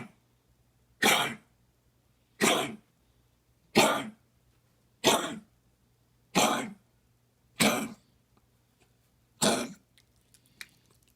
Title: Dog with heartworm’s cough